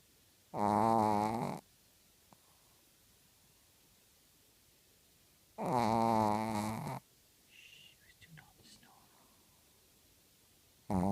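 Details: Snoring: two loud, rattling, voiced snores about five seconds apart in a quiet room, with faint movement noise between them.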